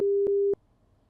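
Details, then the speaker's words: BeHear NOW headset used as a personal hearing amplifier: two short, steady low beeps in quick succession, the even lower tone that signals the minimum volume level has been reached. "Voor iedere verlaging van het volume hoort u een lage toon. Wanneer u het minimum niveau bereikt hoort u een nog lagere toon."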